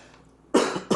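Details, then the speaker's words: A sharp explosive burst starts an acted cough, quickly followed by a second burst, in a comedy skit about how people react to coughing; cough. "jesus christ dude i had something in my throat oh my god"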